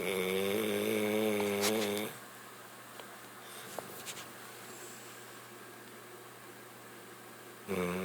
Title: SNORING BULLDOG